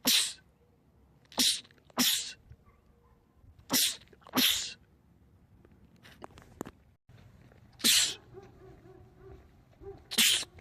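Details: Series of about seven sharp, explosive sneezes by a man in quick succession, with faint background sound; a rapid sneezing attack in a compilation of film clips.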